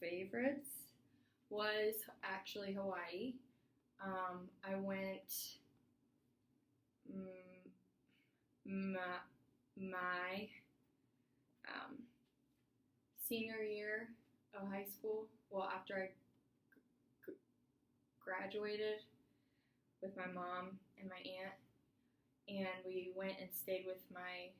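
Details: Adult woman client in a stuttering therapy session, possibly role-played with a 22-year-old college student acting as clinician; 13 stutters counted in her story; stuttering.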